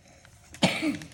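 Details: A single short cough from a child in a quiet room while making Valentine's Day cards; cough.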